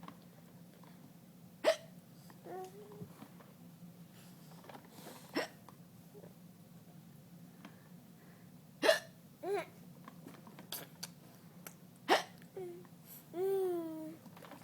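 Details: Sharp, abrupt hiccups at irregular intervals, with soft babbling vocalizations between them over a quiet room hum; hiccups.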